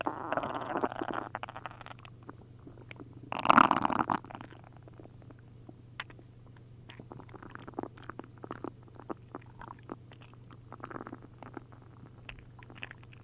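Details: Adult's belly after drinking a liter each of milk and prune juice, upset stomach: frequent loud gurgling and bubbling of liquid with a steady hum behind. Hyperactive bowel sounds.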